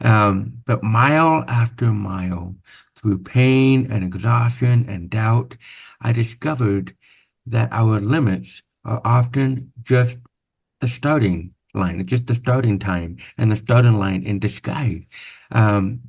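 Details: Deaf speech in a man born with severe/profound hearing loss (about 90%), with over 13 years of speech therapy; real, not acted.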